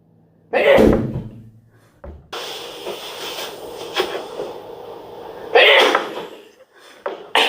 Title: Scariest Sneeze OF My LIFE!!!